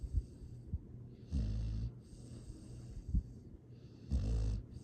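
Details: Rescue foster dog snoring contentedly in sleep: soft, low snoring with a few faint snorts between breaths; normal sleep sounds.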